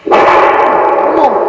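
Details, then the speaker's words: Doppler over a bulging leg vein on the visibly abnormal side in a varicose vein patient: steady, loud whooshing signal lasting over a second, unlike the short bark-like normal sound; venous reflux. "아 와 아 여기에 지금 정맥류가 있으신 거예요 그라프 도 이제 소리가 나오고요"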